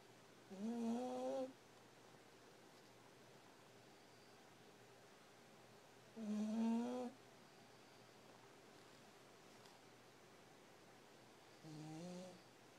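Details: Three drawn-out, droning snores about every five seconds from an exhausted sleeping puppy in a quiet room; snoring.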